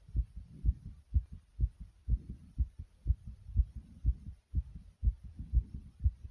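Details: Fast, strong, regular pounding heartbeat of about 120–125/min after jumping.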